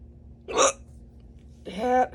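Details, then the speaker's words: Adult at work with a strong bout of hiccups lasting almost 10 minutes: two abrupt short voiced gulps about a second apart. "hiccups hiccups what oh my god well today was interesting"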